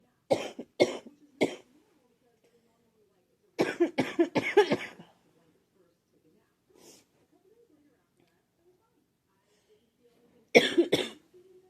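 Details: Girl with scratchy, sore throat who thinks she is getting a cold: bursts of dry, harsh coughing, about ten coughs in short clusters with quiet gaps between.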